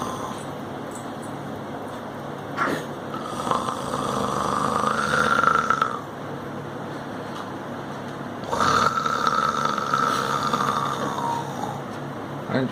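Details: An 11-month-old baby boy imitating his dad's acted snoring: two long rasping, snore-like breaths over room noise; simulated snoring.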